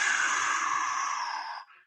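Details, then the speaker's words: Handheld linear Doppler at the saphenofemoral junction during a Valsalva manoeuvre: a voiced imitation of a steady, breathy whoosh lasting about 1.5 seconds, the sound of venous reflux from saphenofemoral junction insufficiency. "sin embargo si hay insuficiencias a freno femoral y pedimos al paciente una maniobra de valsalva vamos a escuchar el sonido correspondiente podemos escuchar un cuando impulsamos la sangre y lo vamos a escuchar un sonido similar a éste"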